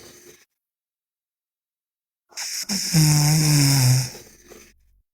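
A loud, low, rattling snore on one breath in, with quiet stretches before and after.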